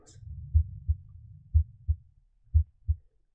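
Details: Simulated normal vesicular breath sounds with normal heart sounds from the iPax simulator: the chest piece moves from the upper chest (bronchial) toward the apex, where breathing becomes soft vesicular. Regular paired heart sounds at about 60 a minute, with heart and breath sounds kept in sync.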